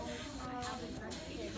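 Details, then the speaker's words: Wall suction unit switched on and checked in a simulated nursing lab demo of tracheostomy care, set to intermittent suction at 80–120 pressure: a steady loud hiss with two brief dips. "o do is ensure that your suction works so there's two knobs here you click on and on here you can kind of hear it"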